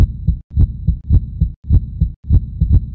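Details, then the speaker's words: Simulated heartbeat in an arrhythmia explainer: regular paired thumps at about 100 beats a minute, an abnormally fast rate, illustrating tachycardia. "an arhythmia can be an abnormally slow heartbeat or an abnormally fast"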